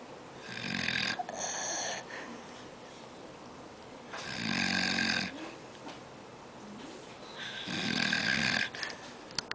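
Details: Old man sleeping: three loud, rough, raspy fluttering snores about three seconds apart over steady room noise; snoring.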